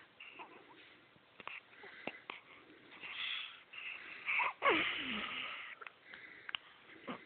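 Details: Baby in a light sleep after breastfeeding: soft, high-pitched nasal snuffling and whistling breath sounds with small clicks; light infant snoring.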